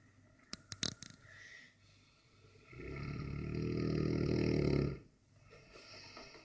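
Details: Sleeping Dogue de Bordeaux, a habitually very loud snorer: after a few clicks and soft breathing, one long, deep, rumbling snore on a breath; quiet room noise around it.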